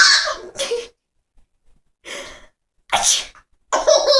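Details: Mother's sneezes, short sharp bursts of air, mixed with her baby's breathy giggles and gasps as it laughs at them. Finding: sneezing.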